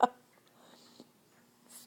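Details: 5-day-old newborn girl with hiccups: a single short, sharp voiced catch followed by quiet breathing; she also appears to be pooping at the time.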